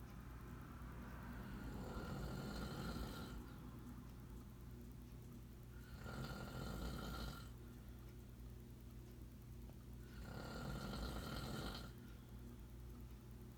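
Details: Grandfather snoring in sleep: three rough, rumbling inspiratory snores about four seconds apart, roughly 14 breaths a minute, over a steady low room hum.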